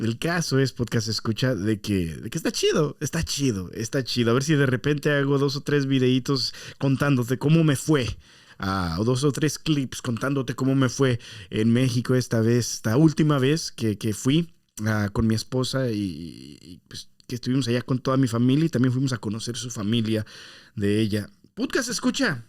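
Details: Spanish-speaking man who says he stutters and that his stuttering worsens after breaks from recording; stuttering.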